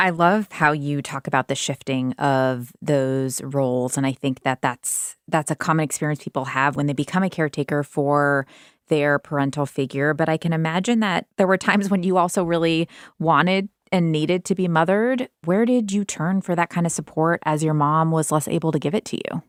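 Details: Adult woman speaking; normal speech.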